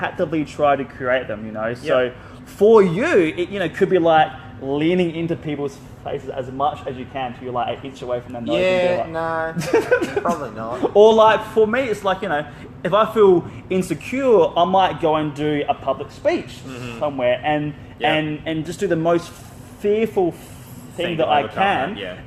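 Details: Stuttering in an adult man who left school at about 16 because of his speech and still has blocks when speaking.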